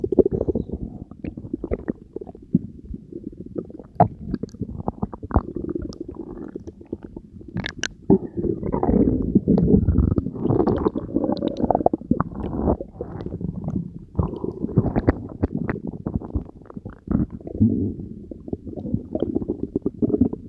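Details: Belly gurgles recorded after Diet Coke and Mentos were swallowed: continuous low gurgling and rumbling with bubbly pops throughout; active bowel sounds (borborygmi) from digestion.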